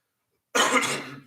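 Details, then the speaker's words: A single short, harsh, throat-clearing cough from an adult who says their voice is running hoarse; an ordinary cough. "I'm running a little hoarse here on I know you can hear it um"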